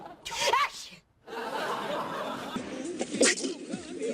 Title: Celebrities sneezing